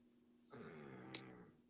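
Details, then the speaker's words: Low growling snoring from the speaker's "little Mwai," heard over a phone call during an interview. ">> Oh, okay. He's snoring. It's the It's the Maui."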